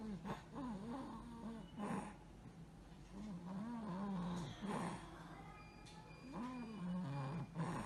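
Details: Child's noisy breathing with repeated high-pitched musical whistling sounds from narrowed airways, a teaching example of stridor and wheezing in children.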